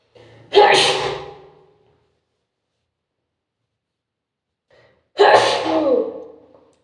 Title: strong sneezing